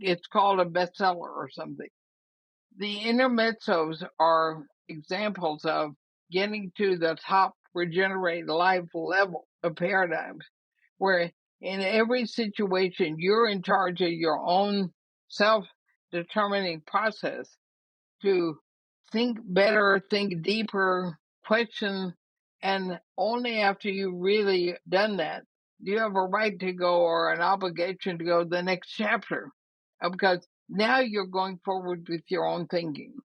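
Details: Woman about 80 years old with ALS (Lou Gehrig's disease), who says her speaking trouble is already considerable but she is still intelligible; dysarthria (ALS).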